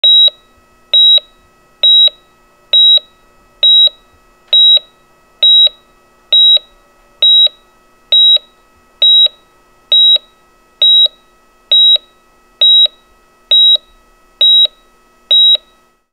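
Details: Sound-effect recording of a hospital patient monitor: steady, perfectly regular high-pitched beeps at about 67 per minute.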